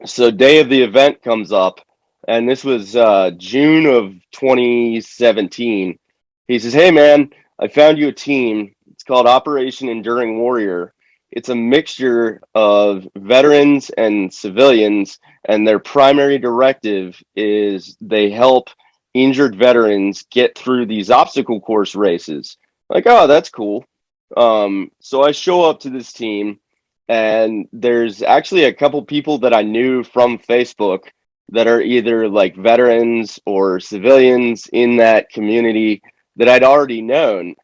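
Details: Adult man speaking; ordinary speech.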